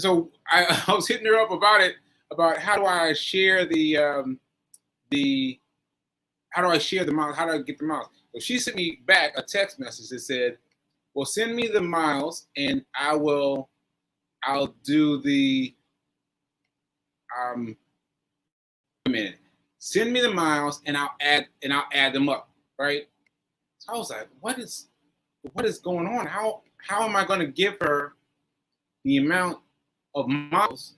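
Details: Aphasia with word-finding difficulty in a man after a stroke on 7/14/22, recorded nearly a year later (7/4/23), with word-finding pauses and fillers.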